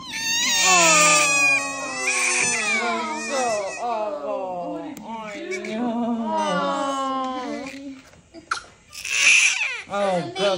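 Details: Loud, high-pitched wailing cries with breaths between them from a newborn baby girl just after a hospital delivery under epidural; a strong, normal newborn cry.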